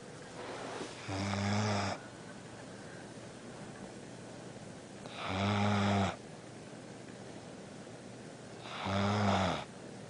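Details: Snoring from Baloo, asleep.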